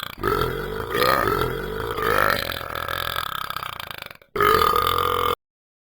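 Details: Person burping deliberately: long, loud, drawn-out belches in two bouts with a low rumbling voiced tone; burping.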